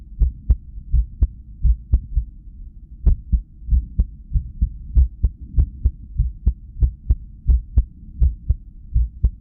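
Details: Adult at rest with arrhythmia after sleep deprivation, cardiac ultrasound Doppler: pulsing heartbeat whooshes over a low hum, unevenly spaced with a noticeable pause. Irregular heartbeat (arrhythmia).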